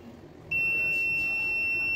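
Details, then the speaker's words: ECORAY high-frequency X-ray machine generator under repair and testing, with two terminals shorted: quiet room noise, then a steady high-pitched electronic buzzer tone switches on and holds. "Just দুইটাকে short করে রেখে দিই এটাতে বাজার উঠে বসে থাকবে"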